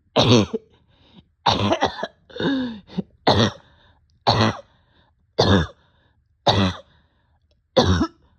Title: Short of breath with barking cough